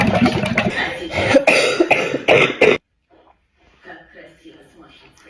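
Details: A woman with a very dry, unproductive cough gives about four harsh, forceful coughs over noisy, bubbling breath sounds, while trying a breathing-tube airway-clearance exercise from hospital instructions, then quiet.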